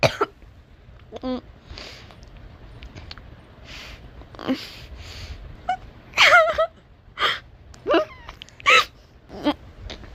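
Several short cough bursts and throat clearing mixed with laughter in a quiet room.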